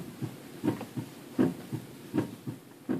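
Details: Normal heart sounds heard at the mitral area on an adult health assessment thorax simulator, played as a comparison in an aortic regurgitation demonstration.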